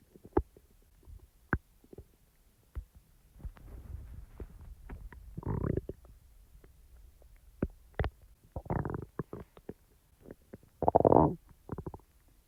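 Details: Scattered gurgles and several louder rumbling growls over a quiet background are ordinary bowel sounds (borborygmi) after eating, recorded around chewing gum and a fruit snack.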